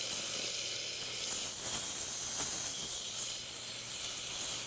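Steady loud hiss of spraying air and water; a dental air-water syringe rinsing a tooth after etching.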